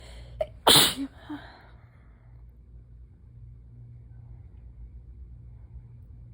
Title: Sudden sneezing fit - started out slow but picked up!